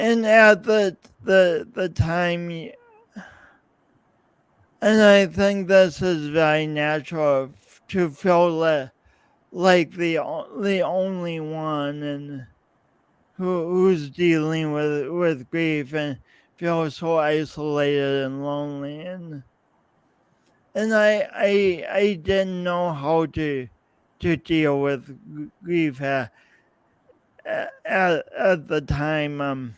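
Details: Adult man, podcast host, with his own lifelong speech impediment and coordination differences; real, not acted; speech impediment with word and part-word repetitions.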